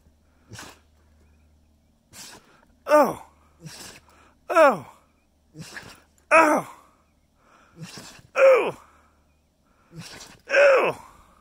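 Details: A Treeing Walker Coonhound, camping in the Washington mountains, sneezes repeatedly, six sharp sneezes each led by a quick inhaling snort, in a rapid sneezing fit.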